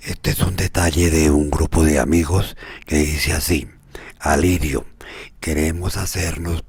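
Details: Male patient with unilateral vocal fold paralysis reading aloud after the second voice therapy session, hoarse with improving vocal quality; dysphonia from unilateral vocal fold paralysis.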